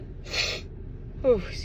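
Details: Female in a car on the drive home, in a dust-triggered sneezing fit: a sharp breathy intake, then a short voiced catch over road noise, the indrawn gasp before a sneeze.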